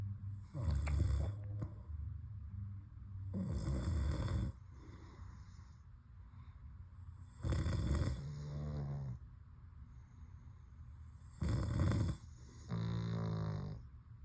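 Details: Loud snorting snores on each breath in, with buzzy fluttering between, about four breaths in 14 seconds, from a sleeping pug dog.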